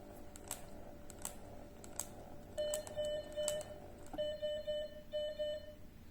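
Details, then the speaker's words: MedRena UniFusion VP50 Pro infusion pump demonstrating its dynamic pressure function, with occlusion simulated by pressing the infusion line: repeated grouped electronic alarm tones with button clicks as infusion stops, an occlusion alarm. "the pump prompt alarm and the infusion stops press ok go back to infusion mode stage and we can restart the infusion"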